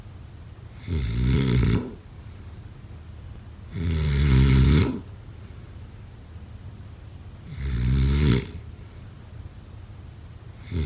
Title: Snoring sounds … #7